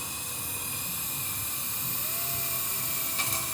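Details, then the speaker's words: Dental implant pilot drill: continuous high-pitched whine with steady motor hum as the pilot hole is drilled between two fingers into the centre of a very thin ridge, staying inside the buccal and lingual plates, stent removed. "will then drill between my two fingers staying inside the buccal lingual plate"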